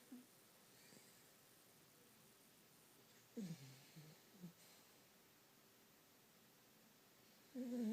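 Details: Dog snoring while asleep: two brief, low, fluttering snores separated by several seconds of quiet breathing.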